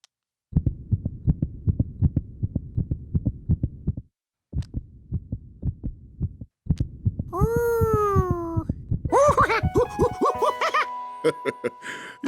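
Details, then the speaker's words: Fast, steady thumping heartbeat, about 160 a minute, then cartoon sound effects: a doctor's own heartbeat heard through a stethoscope in an animated children's show, not a real recording. "i use it to hear things that i can't see that's the sound of my heart"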